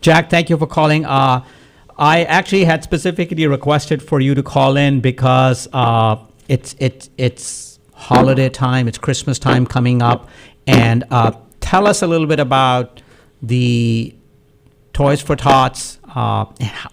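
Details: Adult man speaking; normal voice.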